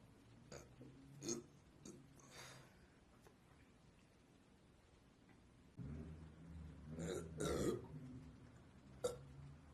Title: Hot Latina Burps